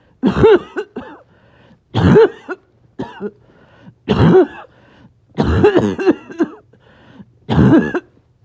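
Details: Back-to-back coughing fits in a person who is a little short of breath: about five clusters of several harsh coughs each, with brief pauses between them.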